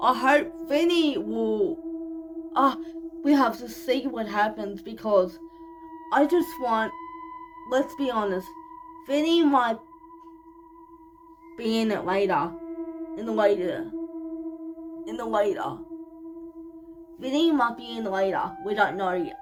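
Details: 25-year-old woman living with cerebral palsy, speaking in her vlog; speech in cerebral palsy.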